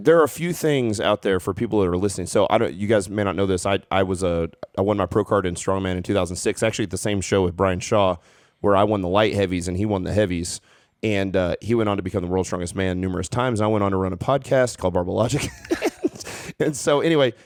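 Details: Adult male speaker; Normal conversational speech.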